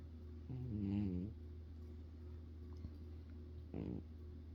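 Two soft, buzzing snore breaths from a cat, recorded very close, over a steady low room hum.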